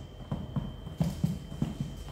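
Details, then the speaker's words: Normal tympanic percussion note: six hollow, drum-like taps in quick pairs from finger percussion over the abdomen during a physical exam, with the examiner standing at the patient's right; tympany reflects a small normal amount of abdominal air. "Normalnya itu bunyinya adalah timpani. Jadi abdomen kita itu normalnya terisi sedikit udara. Akibat adanya sedikit udara di dalam abdomen, bunyinya timpani."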